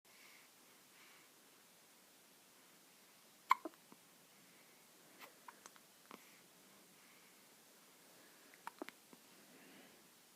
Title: Newborn hiccups.